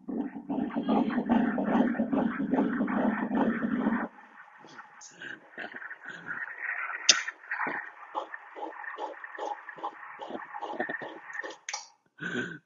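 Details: Early fetal heartbeat on ultrasound after IVF with a transferred day-3 embryo: rapid rhythmic whooshing pulses, roughly 145 beats a minute.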